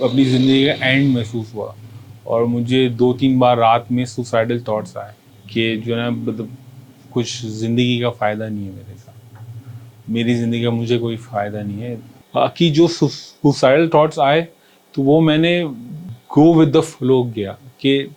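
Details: Stuttering in a 40-year-old man who has stammered since about age 4–5.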